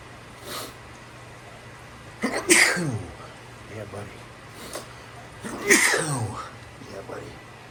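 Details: Sneezing fit: two loud sneezes, each after a brief intake of breath, with a sharp hiss and a drawn-out falling voice, forming a run of sneezes.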